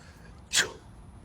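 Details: Man's deliberately faked sneeze: a single short, sharp, hissing burst, followed by wiping his nose on his girlfriend's shirt; simulated sneezing.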